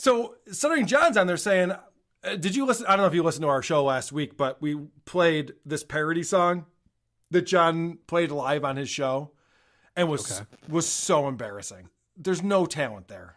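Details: Adult male speaker; normal speech.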